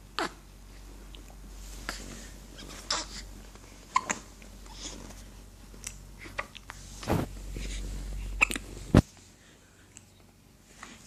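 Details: Several brief, sharp, irregularly spaced gulping hiccups from a male in a quiet room; hiccups.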